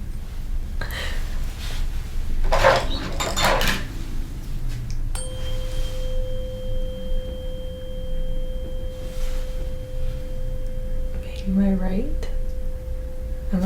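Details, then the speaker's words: Tuning fork struck and placed on top of the skull for the Weber hearing test during a routine head-to-toe exam; steady pure ringing tone. "So, for this one, I'm going to strike the tuning board. Place it on the top of your skull, and you're going to let me know if you hear it first in this ear, that ear, or both at the same time."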